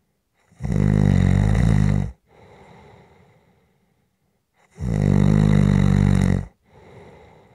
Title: SNORING For Rest Relaxation Sleep and White Noise